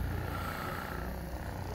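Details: Percussion massage gun used for myofascial release in thoracic outlet syndrome, on the front of the chest, biceps and axilla near suspected nerve entrapment sites under the clavicle: low, rapid rumbling buzz against soft tissue.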